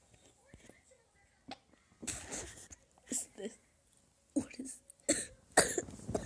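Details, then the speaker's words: Coughing from a young person sick over winter break, having a bad day: several short, fairly soft coughs scattered among quiet gaps and brief sounds. "I'm I'm really sorry about the coughing guys is just that I really am having a bad day here"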